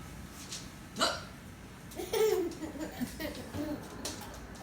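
Abrupt throat catches mixed with laughter and brief voice sounds; hiccups.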